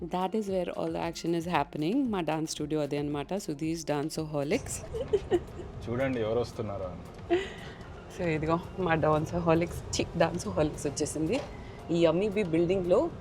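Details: Adult speaker; ordinary speech.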